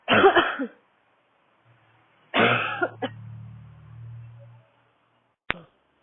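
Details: Female coughing in public while walking outdoors in cold air, throat tight: two harsh coughs, a strained throaty catch and a short final cough; dry, barking cough.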